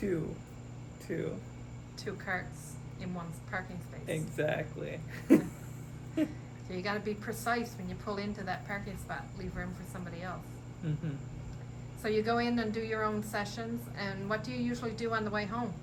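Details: Adult speakers in conversation; no speech disorder.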